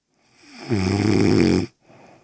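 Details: Inhaled snore from a girlfriend while asleep: a single loud, rattling, low-pitched snore of about one second rising from quiet breathing, then a softer breath out; snoring.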